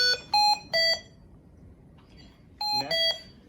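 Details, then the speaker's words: Hamilton ventilator high pressure alarm in an emergency department: repeating groups of high electronic tones in a quiet room, meaning the pressure is too high to deliver the breath. Causes to consider: suctioning need, pneumothorax, tube biting, pulmonary edema, kinked tubing. "The high pressure alarm can come from both mechanical and physiologic factors. Things to consider with this alarm is the need for the patient to be suctioned, a pneumothorax, the patient biting the tube, pulmonary edema, or kinked tubing."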